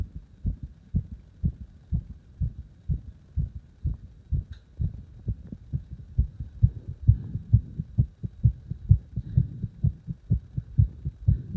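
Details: Strong, pounding low heartbeats, fast and regular, roughly 130 beats a minute; forceful heartbeat.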